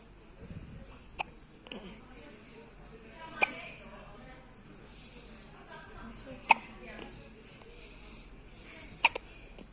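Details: Four short, sharp hiccups at irregular intervals, about 24 a minute, from a baby having his first hiccups, over quiet room noise and soft adult voices.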